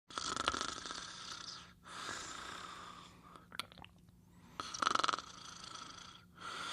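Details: Sleeping snorer: rhythmic raspy, hissing snores with brief pauses between breaths, about three cycles in under seven seconds, over a faint steady hum: snoring.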